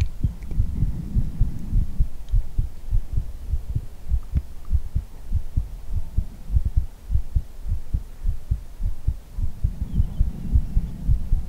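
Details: ASMR heartbeat recording: regular, fairly quick low heart thumps with soft rushing breath noise at the start and end; a normal heartbeat.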